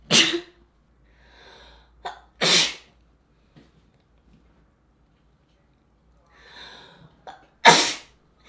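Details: Woman sneezing three times, sharp and explosive, the later two preceded by a soft in-breath and quick catch of air, in a quiet room; sneeze.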